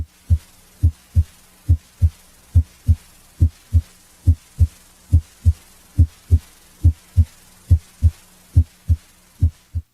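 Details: Normal heart sounds at the apex.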